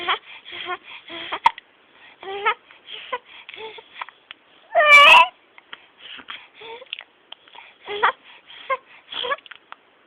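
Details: Short fussy whimpers and cries from an infant in a cot bed who has hiccups, with a brief louder cry burst partway through, in a quiet room; infant cry.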